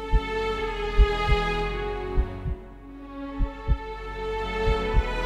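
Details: Soft, low paired heartbeat thumps at about 65 a minute, mixed into sustained orchestral music: a produced heartbeat sound effect in an epic music mix.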